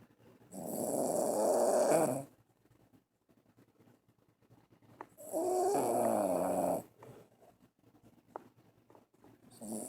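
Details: A sleeping dog (female) gives two long, rattling snoring breaths with quiet pauses between, about fourteen a minute; ordinary snoring in deep sleep.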